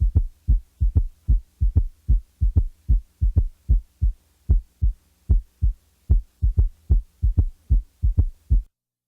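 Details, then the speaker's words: Simulated heartbeat with a soft, low extra sound early after the second sound, at times removed so its position in the cardiac cycle can be located; third heart sound (S3). "third heart sounds are often associated with sharp outward precordial movements which frequently can be seen or felt listen to the following S3 the third sound will be taken out occasionally to enable you to determine its position in the cardiac"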